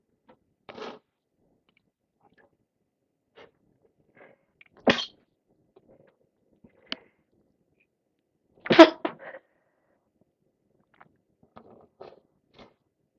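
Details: Two loud, explosive sneezes with softer sniffs and breaths between them, on day 3 or 4 of a cold with heavy congestion; sneezing.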